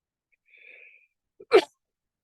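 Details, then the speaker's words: A single sharp, explosive cough from an adult man speaking on a podcast, preceded by a faint high whistle-like background sound. "and when I cough like that when I normally edit it out but I can't because I'm on this situation here in Savannah"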